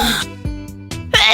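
A sharp, noisy burst of air typical of a sneeze, with steady background music.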